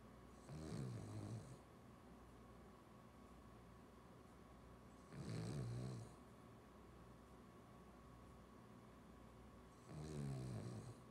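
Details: Three low, rattling snores from Ozzie at a steady pace of about 13 breaths a minute, with quiet room noise between.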